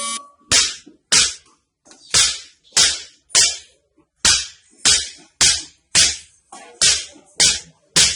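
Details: An orthopaedic doctor treats a patient's spine problem by cracking the back with a hammer: a rapid, slightly uneven series of about fourteen sharp, hard knocks, roughly 100 a minute.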